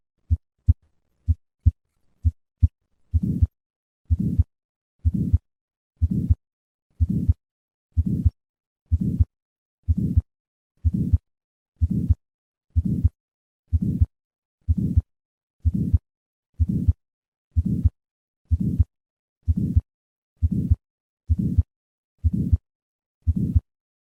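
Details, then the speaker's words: Innocent systolic murmur after three normal beats: diamond-shaped, early-peaking, due to turbulence across a normal aortic or pulmonic valve in a patient without heart disease, unlike late-peaking aortic stenosis. "in summary innocent systolic murmurs are due to turbulence across the normal aortic or pulmonic valve these murmurs occur in more than 50 percent of normal individuals"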